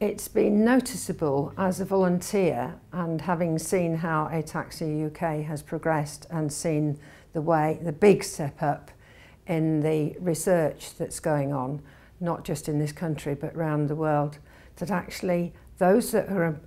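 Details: Adult woman speaking; normal speech.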